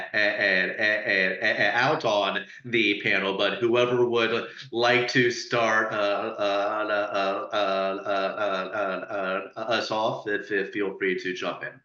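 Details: Adult panelist who stutters, speaking on a webinar about stuttering and dating, with audible repetitions; stuttering.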